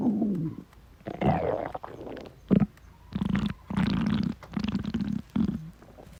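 Irregular low gurgling and rumbling bursts of varying length, typical of ordinary stomach growling from gas and fluid moving through the gut.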